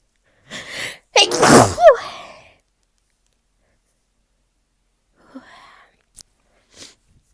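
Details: A single loud sneeze preceded by a drawn-in breath, then quiet breathing and small sounds, from a person with bad spring seasonal allergies and a runny nose; sneezing.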